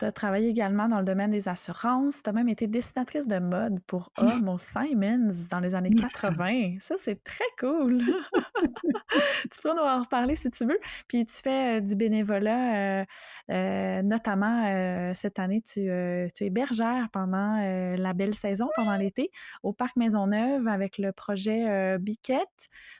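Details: Adult woman speaking French; typical speech.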